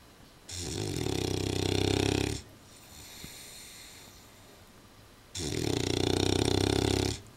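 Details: Old English Bulldog asleep in a slightly small dog basket: two long, loud, rattling snoring breaths separated by a quieter exhale.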